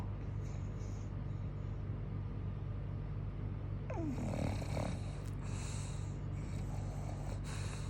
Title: Bulldog snoring